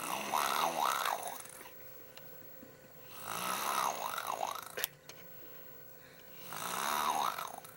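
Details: Young niece asleep, snoring very loudly, while others flap her lips ("snoring lips"); three snoring breaths with a rapid, wavering lip flutter on each out-breath, separated by quiet pauses; snoring with lip flutter.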